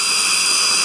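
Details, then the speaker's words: Steady high-pitched whine of a surgical trephine drill running continuously while cutting into jaw bone to harvest an autogenous bone core for ridge augmentation. "Du coup, je vais pouvoir forer sans problème pour la carotte."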